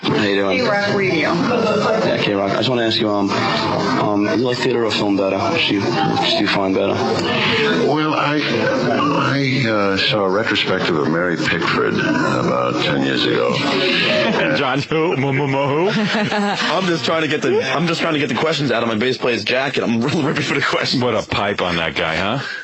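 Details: Adult man who has stuttered since second grade, asking interview questions; stuttering.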